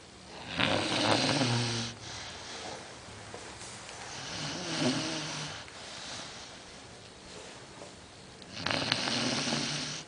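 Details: Sleeping dog snoring: repeated rattling, snorting snores on each breath with harsh, noisy breathing in between.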